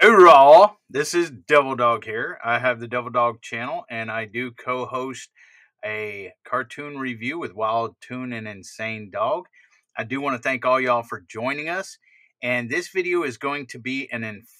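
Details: Adult male speaker; typical speech.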